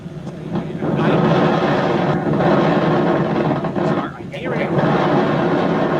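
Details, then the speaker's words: EMG recording from a patient with jaw-closing dystonia while repeatedly biting on command, then relaxing: dense crackling, roaring static that swells with biting and dips briefly, showing sustained muscle firing. "And this is somebody with jaw closing dystonia."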